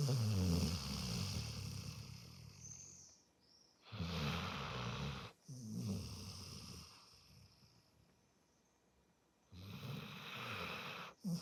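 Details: Sleeper snoring loudly: loud, fluttering snores in long rough breaths with quiet pauses between.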